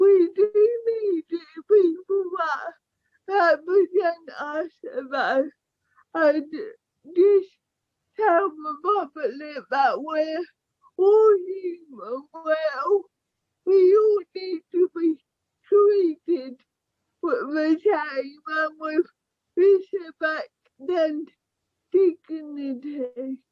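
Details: Young woman with cerebral palsy affecting her speech, walking and motor skills, with poor balance and trouble with fine tasks such as buttons; dysarthria due to cerebral palsy.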